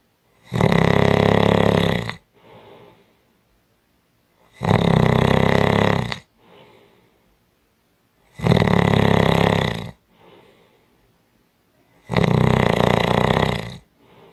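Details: Strong snoring: loud, harsh, rattling snores on each in-breath and quieter out-breaths, about 16 breaths a minute; heavy snoring.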